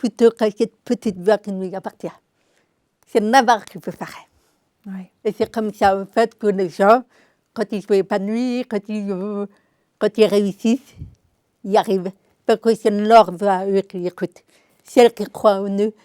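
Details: Deaf speech in an adult woman with congenital deafness diagnosed at 9 months; she learned to speak through 20 years of speech therapy, three sessions a week.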